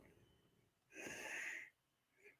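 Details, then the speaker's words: One loud, whistling snore from a large husky dog sleeping in the room, with quiet room noise before and after; dog snoring. "My gosh, can you guys hear Nala snoring behind me? Our big husky."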